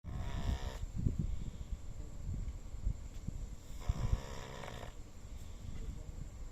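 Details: Sleeping dog snoring loudly: two rough, rattling snores a few seconds apart over low rumbling room noise.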